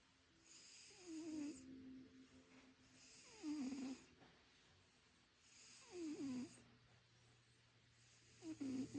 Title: Don’t wake the snoring cat.